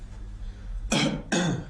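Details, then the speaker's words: Patient coughing on request during bilateral chest auscultation, starting at the lung bases: two short, deliberate coughs over a low room hum. "Je vais vous ausculter maintenant. Vous allez tousser, s'il vous"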